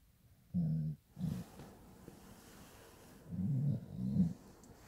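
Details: Sleeping pit bull snoring: short, low, grunting snorts in uneven pairs, described as sounding like a human snore.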